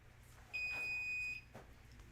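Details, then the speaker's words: Single steady high-pitched beep under one second as a Philips HeartStart OnSite AED is opened and switched on during a firefighter's simulated clinic cardiac-arrest demonstration; AED power-on tone. "so right off the bat we're going to open it up and turn it on and start following all the problems that it gives us"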